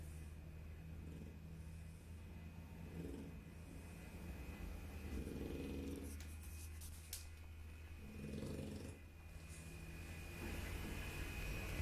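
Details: Dog snoring: low rumbling snores about every three seconds, roughly 20 breaths a minute, over a steady room hum.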